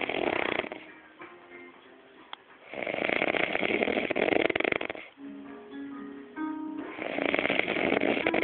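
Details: Man snoring so hard his jaw and neck visibly suck in and out: three loud, rough, rattling snores about every three to four seconds, with quieter tonal sounds between them.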